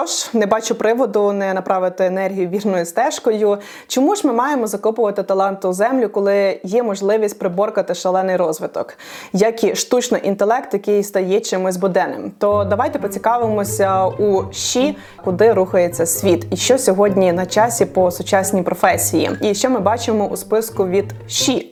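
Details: Adult woman speaking Ukrainian; normal speech.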